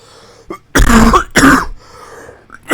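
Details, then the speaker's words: Two loud, harsh, closely spaced coughs from an adult, the first into the microphone and slightly distorted, leaving eyes watering; a brief coughing fit. "Oh, excuse me. Okay, that sounded demonic. Yeah, the first cough was straight into the microphone."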